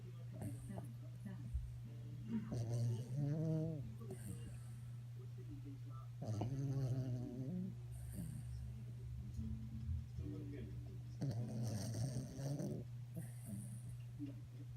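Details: Sleeping dog snoring with its eyes open: low, rattling snores about one every few seconds over a steady electrical hum.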